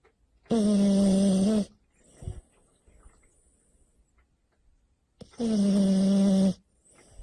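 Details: French Bulldog snoring while asleep: two loud, buzzing, rattling snores about five seconds apart with quiet breathing between, typical of a flat-faced dog.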